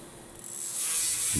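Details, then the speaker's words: Rising, high-pitched whine of a powered driver seating threaded pins to secure a cutting block reapplied to the distal femur for a smaller implant, during a left total knee arthroplasty. "The Cutting block is then reapplied to the distal femur and secured in position with threaded"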